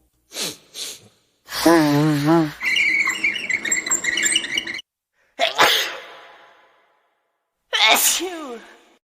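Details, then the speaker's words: Several sneezes, each a sharp noisy burst, some after a rising breath-in, in a quiet room; played as an example of body sounds. "Que som estamos escutando? Muito bem! O som de espirrar."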